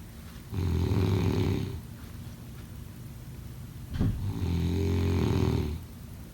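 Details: Snoring: two long, low, rattling inhaled snores separated by a quiet breath out; ordinary snoring.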